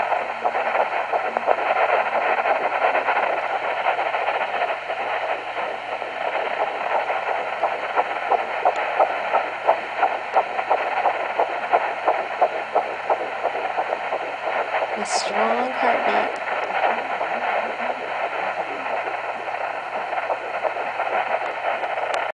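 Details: Fast, soft whooshing pulses under steady hiss, picked up on a new home fetal Doppler at 10 weeks 2 days of a surrogacy pregnancy; early fetal heartbeat on Doppler.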